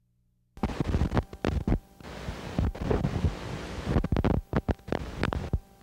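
Brief bursts of crackling static from an EMG speaker as the needle moves, quieting between movements: normal insertion activity.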